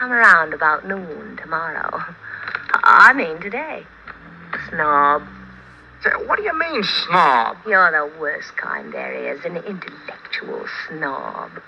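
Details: Adult woman speaking in an old film scene, possibly with a second actor; normal voice.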